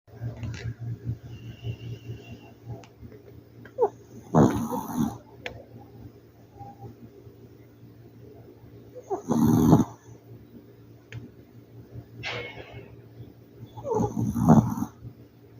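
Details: A sleeping city dog snoring: slow, irregular rumbling snores, about 13 a minute, over a steady low background hum; ordinary dog snoring.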